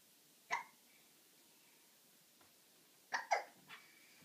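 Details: Child with hiccups: short, abrupt voiced catches, one alone and then a quick cluster of three, over quiet room noise. Hiccups.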